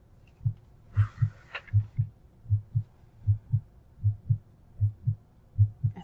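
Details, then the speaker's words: Female patient, regular paired lub-dub heart sounds, about 78 beats a minute, auscultated at the pulmonic area during a chest exam; normal heart sounds (S1 and S2). "s1 s2 at tricuspid area this one is two and all points she sounds pretty darn good don't you mitral valve s1s2"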